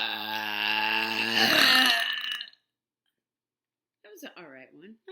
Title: Some good long burps